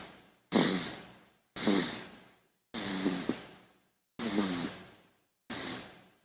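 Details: An infant snoring: five short, noisy breaths, each with a low rattly tone, separated by brief silences.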